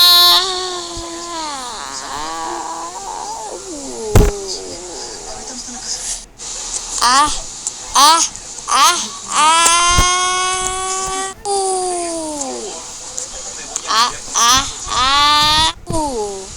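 High, wavering wails and whimpers come in repeated bursts with short breaths between them, a baby crying, over faint room noise.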